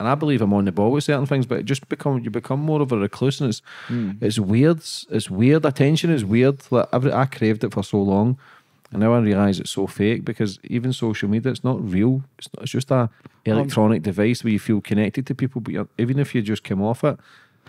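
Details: Adult man; ordinary speech.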